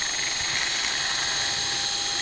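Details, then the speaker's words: Powered surgical drill boring a 6 mm fibular tunnel for LCL graft fixation with a 5 mm TenoLok screw in knee posterolateral corner reconstruction: steady high-pitched drill whine throughout. "and we're going to fixate the lcl at that point with a tina lock screw the tina lock is five millimeters and we're drilling a six millimeter tunnel"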